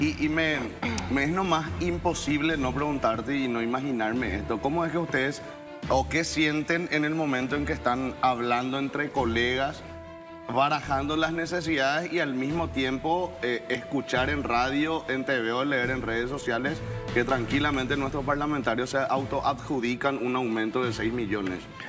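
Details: Adult male speaker; Normal speech.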